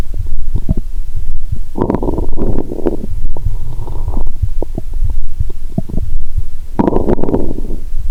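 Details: Stethoscope recording of the belly while lying down, after drinking cola and swallowing Mentos, stomach described as at its limit; active bowel sounds.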